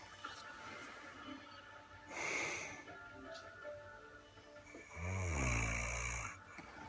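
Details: Sleeper snores deeply and roughly on the in-breaths, with a long rumbling snore near the end, while soft lullaby music plays in the background; snoring.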